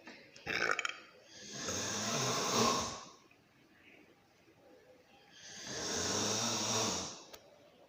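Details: Two long, rough, noisy in-breaths a few seconds apart during sleep, with quiet between; snoring.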